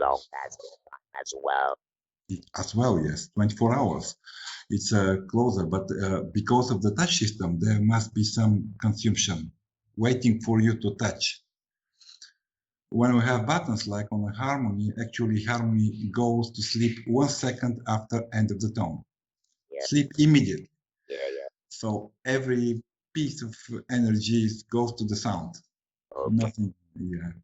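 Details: Adult male speaker; ordinary speech.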